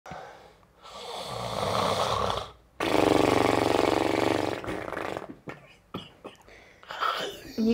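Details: Acted snoring in a Romanian comedy sketch: two long, loud, rattling snores with rough fluttering buzz, then quieter snorts and breaths.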